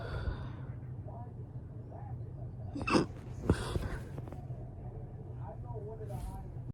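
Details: A few sharp, abrupt catches of breath with short gulping sounds, unevenly spaced, over low room hum; fast hiccups that started immediately after burping.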